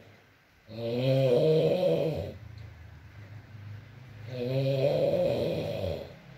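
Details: ASMR recording of a sleeping man (boyfriend) snoring, with rain in the background: two deep, vibrating inhaled snores about four seconds apart, roughly 15 breaths a minute, with faint background noise; snoring.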